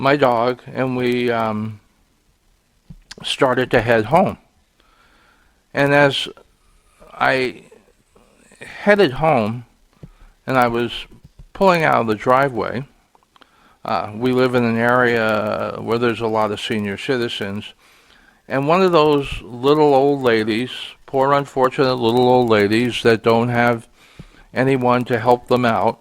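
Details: Adult male podcast host who says his stuttering here is worse because he was frustrated that day; stuttering.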